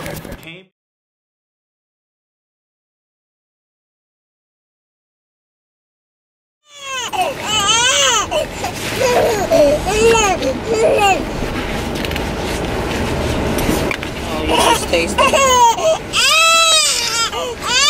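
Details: A newborn girl strapped in a car seat during a car trip, upset at being thrown off schedule, gives loud rising-and-falling wails in repeated bursts over road noise; ordinary fussy infant crying.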